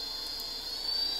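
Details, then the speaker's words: Low-cost open-source homemade ventilator at startup in low-pressure CPAP mode: steady high-pitched blower motor whine with continuous airflow hiss, blowing air continuously to push air into the lungs. "it starts off in a low pressure level CPAP mode so it's blowing continuously right now with the air pressure and this will push air into your lungs"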